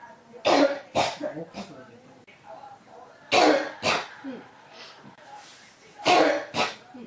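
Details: Persistent cough, video tagged pneumonia: three bouts of harsh, paired coughs over seven seconds, about six coughs in all, with throat sounds between.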